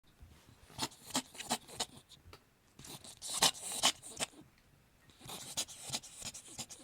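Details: Cat named Jerry coughing: three runs of quick, dry, raspy hacking bursts separated by brief pauses, heard quietly in a small room; cough.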